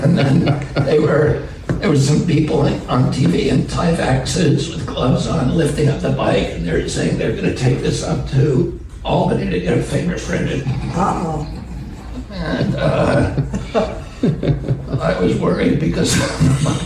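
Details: Adult male public figure, clip of natural conversational speech; he attributes his voice to a vocal condition, spasmodic dysphonia (self-reported, as relayed by a podcast host); spasmodic dysphonia.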